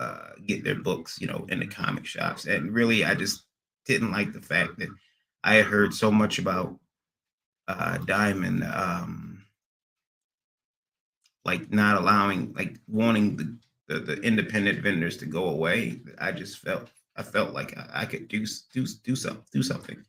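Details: Adult man with stuttering after a recent transient ischemic attack; MRI and another scan showed a little damage; under a neurologist with physical, occupational and speech therapy; speech not fully recovered, still stutters occasionally almost a year later; acquired stuttering.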